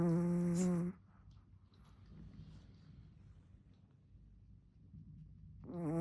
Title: My dog snores every single day.